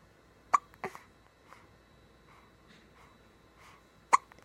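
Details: A few sharp, brief hiccup-like jolts spaced seconds apart in a quiet room from a young boy: hiccups.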